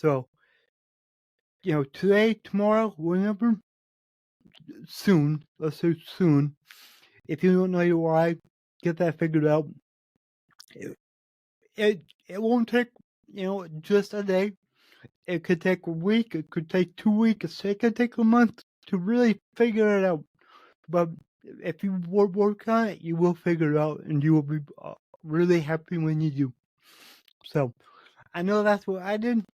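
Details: Adult male podcast host with cerebral palsy, which he says affects every muscle in his body; he says his speech is much better than 8 months ago and improving with better health. Dysarthria associated with cerebral palsy.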